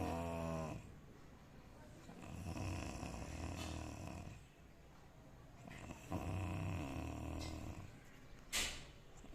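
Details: Dog snoring while asleep: long, low, rumbling snores blending into noisy breathing, with a brief sharp sound near the end.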